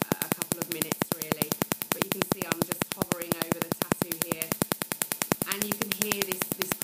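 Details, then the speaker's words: Q-switched Nd:YAG laser (Cynosure) firing rapid, regular sharp snapping clicks at 10 shots per second during tattoo removal, with quiet talk; patient says it feels very hot; slight pinprick bleeding follows. "starting the treatment now the laser fires very rapidly it's actually firing 10 shots every second"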